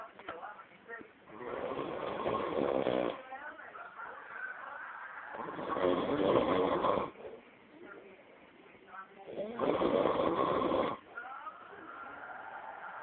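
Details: Loud, harsh rattling snoring while asleep: a snore on each in-breath, about 14 breaths a minute, with quieter breathing between.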